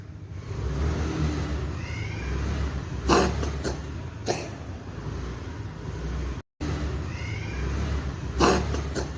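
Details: Female cat with a sudden cough in the morning, later well after sleeping and eating: a few short, sharp, harsh coughing bursts over a steady low background rumble.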